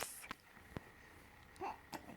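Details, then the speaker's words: Happy baby with hiccups in the morning; several brief, sharp catches of breath in a quiet room, with soft baby sounds. Infant hiccups. "Do you have the hiccups? Yeah, do you love the hiccups?"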